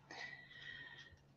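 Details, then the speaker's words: A dog woken very early and now asleep: one brief, noisy, whistling breath with a snorting quality; snoring. "because you know they live here rentree and their life is so difficult and Wilbur always snores. He needs a doggy CPAP."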